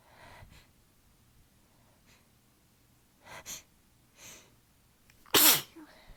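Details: Sneezing fit attributed to allergies, weather change and fatigue: faint breathy in-breaths and small sounds, then one loud, explosive sneeze.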